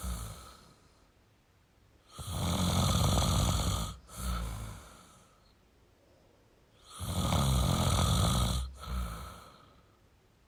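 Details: Male snoring: two loud, rattling snores on the in-breath, each followed by a softer out-breath, roughly every five seconds.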